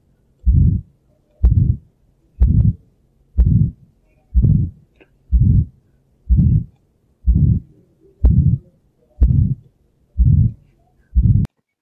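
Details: Aortic stenosis: regular heartbeat near 62 a minute with a low rough ejection systolic murmur swelling and fading through each beat; associated signs heaving apex beat, carotid thrill, narrow, paradoxical or single S2.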